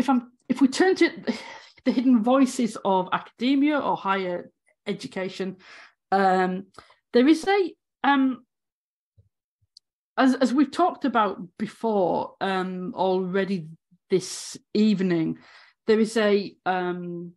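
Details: Stuttering (stammering) in an adult woman academic who has stammered throughout 18 years as a higher-education lecturer.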